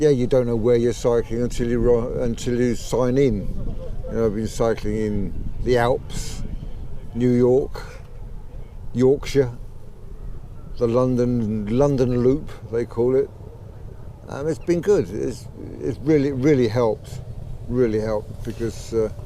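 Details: 63-year-old man with Parkinson's disease for 15 years who developed a stammer at about age 63, about 15 months earlier; thought to be Parkinson's-related, worse when emotional, excited or talking fast; sees a speech therapist; late-onset stammering (Parkinson's-related).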